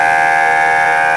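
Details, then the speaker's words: Loud, steady electronic confirmation tone from a DARPA SAVE-enhanced portable ventilator as manual-trigger CPR mode is confirmed, to give breaths between compressions per ACLS two-breath protocol. "so in that situation you go to another function and you confirm"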